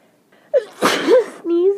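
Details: Wet allergic sneeze from morning pollen at the end of summer: a quick intake then one loud, wet sneeze with a voiced cry, followed by a short voiced sound.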